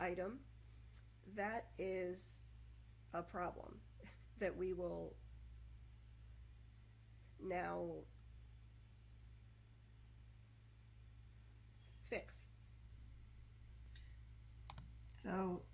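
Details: Adult woman who stutters, usually moderately; 2014 recording made when her stutter was more severe and uncontrollable as a side effect of prednisone taken for health problems, with blocks, repetitions and pausing; stuttering.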